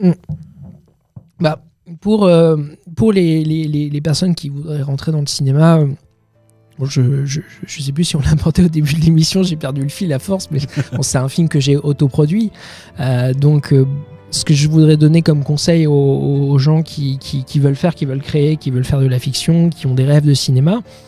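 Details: Stuttering in a 31-year-old man, now mild after much practice; part-word and whole-word repetitions audible.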